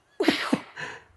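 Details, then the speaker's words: Woman gives two sharp, forceful, deliberate coughs toward a panelist's face at a meeting, then a softer breathy exhale. "okay now she's breathing on her hands that doesn't seem very cautious with Co and oh there we go she coughed on one of the panelists faces"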